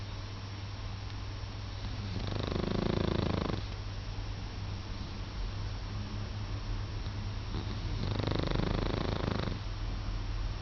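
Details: Dog sleeping; two soft, rumbling snores about six seconds apart over a steady low room hum.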